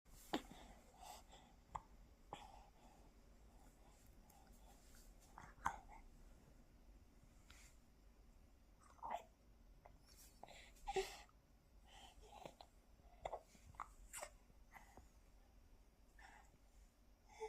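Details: Baby whose hiccups won't stop: soft, brief hiccups about every five seconds in a quiet room, with faint whispering; hiccups.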